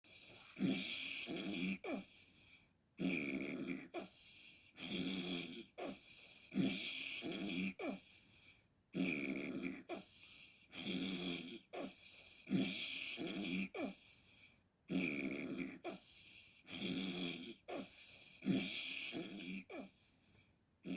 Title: ma snoring was really bad a few nights ago. listen to this